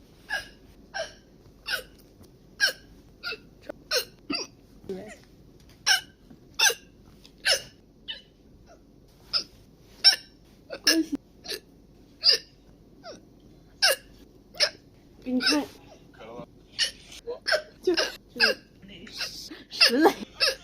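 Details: Chinese girl with hiccups: short, sharp hiccup sounds about every second, with a few gasps and little laughs between them; repeated hiccups.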